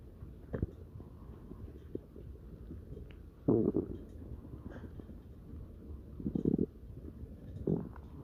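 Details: Low, irregular gurgling rumbles from the belly of Marshall, a dog: ordinary stomach growling (borborygmi).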